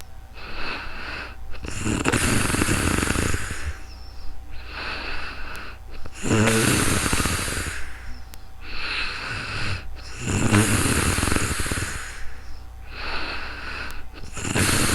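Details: Real-time snoring in sleep, recorded with a new microphone: loud, rattling snores on each breath in, about 14 breaths a minute, with quieter breaths out between them.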